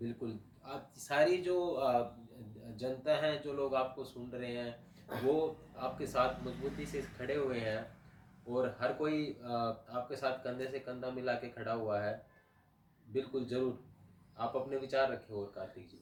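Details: Adult male speaker; typical speech.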